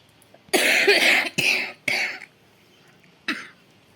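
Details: Woman with a heavy cough and chest infection, possible pneumonia and possible hospital admission, coughing through the night and unable to sleep: three harsh, forceful coughs in quick succession, then a fourth after a pause.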